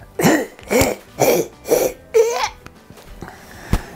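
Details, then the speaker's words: Vet imitating five quick, harsh, honking coughs, the sudden goose-honk cough of a dog's irritated airway; kennel cough (infectious tracheobronchitis) and tracheal collapse both discussed as causes. "And it sounds kind of like, you know, an irritated throat, like a or maybe your dog has not had a cough, then all of a sudden you wake up to this sort of goose honking cough."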